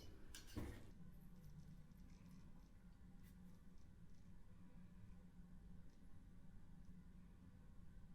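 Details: Adult woman who says pollen season makes her nose itchy and causes sneezing: one brief, sharp burst of air near the start, then quiet room hum; sneeze.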